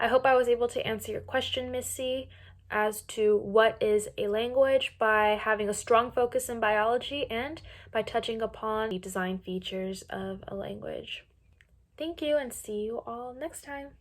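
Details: Adult woman narrator; Normal speech.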